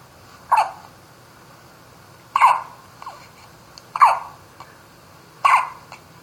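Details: Baby hiccups: four sharp, abrupt infant hiccups at irregular intervals, about 38 a minute, in a quiet room.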